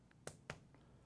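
Two short, hollow taps from finger percussion over the back of the chest, giving a normal resonant lung note.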